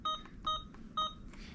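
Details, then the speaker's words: Alaris IV pump being programmed for a 1-litre IV fluid bolus at 999 mL/hour: three short, even keypad beeps about half a second apart as the order is confirmed, with quiet room noise. "So we double checked our order. Bolus IVF is what we want. So we're gonna click yes."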